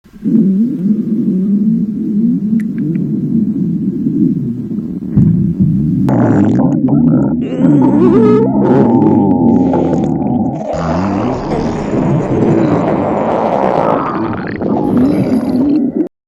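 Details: A girl on a diet, very hungry from dietary restriction: long, loud, low stomach growling, rumbling and gurgling with shifting pitch, a normal hunger bowel sound.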